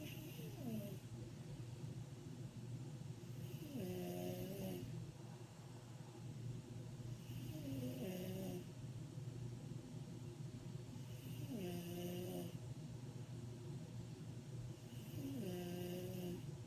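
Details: Really loud snoring in a sleeping woman: rhythmic snores with a rising tonal quality on each breath, about 15 breaths a minute, over steady low background rumble.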